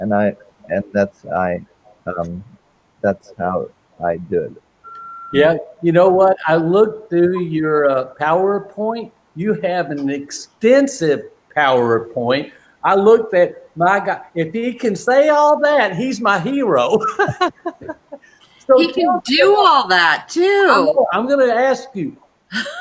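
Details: Male with non-fluent aphasia since a stroke during heart valve surgery in 2007, initially able to produce only two single words; non-fluent aphasia.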